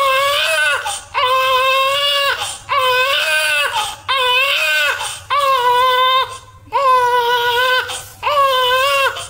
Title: Crying 😭 newborn 🥰 Baby 😊 #baby #love #newborn #Congratulations #maa #cutebaby #birthday